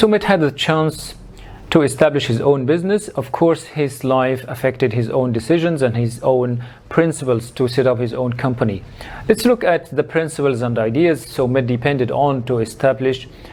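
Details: Adult male narrator; Normal fluent speech.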